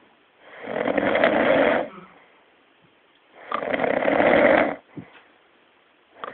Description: this bloke sounds like the tardis when he snores, verry funny.